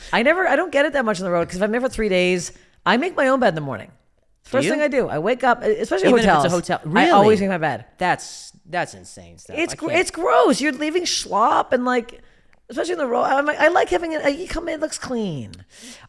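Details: Adult woman speaking; typical speech.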